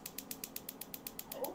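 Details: Regular sharp clicking pulses, about eight a second: focused shockwave therapy at 0.15 on the Achilles tendon insertion, the area of maximal pain; the patient feels it.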